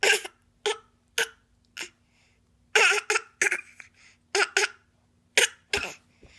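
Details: A child gives a series of short, forced voluntary (fake) coughs, about a dozen in six seconds.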